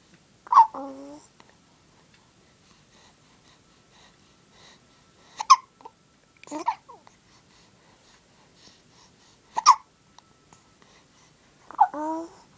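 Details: Girl, five sharp, sudden voiced catches every two to four seconds, some followed by a short vocal 'oh', not too worried: hiccups.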